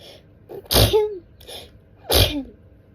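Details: Adult with itchy nose in a dusty room, saying they are congested: two forceful sneezes, each with a sharp intake and explosive release, with a thick, congested nasal quality.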